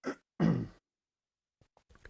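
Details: Speaker who reports not feeling good: two low, rough, guttural bursts, the second longer and stronger; throat clearing.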